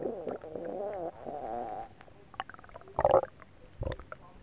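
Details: Adult's stomach growling after eating a whole pot of Japanese nabe stew: gurgling, bubbling belly rumbles with a few pops; ordinary borborygmi.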